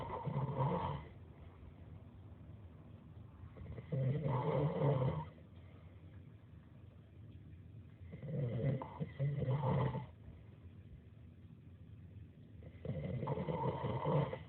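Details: Deep, rough snores from a sleeping adult, repeating about every four seconds (roughly 14 breaths a minute) with quiet exhalations between; newly discovered snoring.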